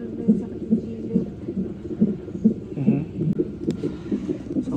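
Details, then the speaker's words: Woman in labor with contractions, on 20-minute fetal monitoring in a Canadian hospital: rapid whooshing pulses at about 140 a minute from a fetal Doppler monitor, described as strong; fetal heartbeat, noted to pause and slow at times. "yung naririnig niyo yan yung heartbeat ni o lakas so dito siya nakatama"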